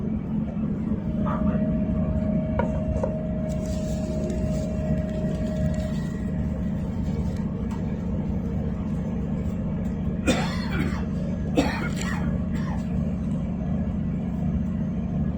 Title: Mature Male Smoker Coughing in Train (2).